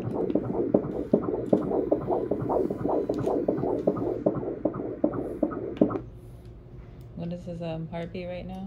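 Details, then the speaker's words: Fetal heartbeat on anatomy ultrasound at 19–20 weeks' pregnancy, baby measuring 20 weeks 5 days, 13 ounces: rapid, regular whooshing pulses at 155 a minute, then brief talk; normal range. "this part is the heartbeat so the heart rate is at 155 baby's belly right here the femur bone so those are his legs right there"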